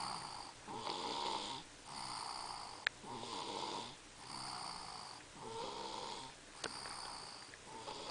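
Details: Man with strep throat snoring more than usual: quiet, hissing, rhythmic breathing with a light rasp on each breath and a soft click or two in the room; gentle snoring.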